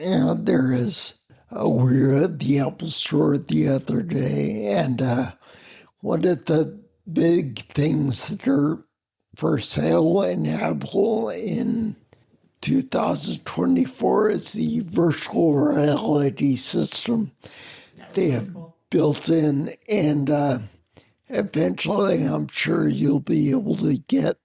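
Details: Adult man with spinocerebellar ataxia of unknown cause, slurred speech since around 1999, hard to understand on the phone, with mobility problems: ataxic dysarthria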